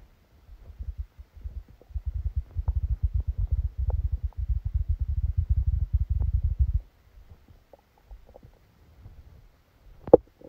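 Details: Stomach sounds recorded during a stomachache after Christmas dinner while the person slept: low gurgling rumbles in a long run of rapid bubbling pulses, then quieter scattered gurgles; active bowel sounds.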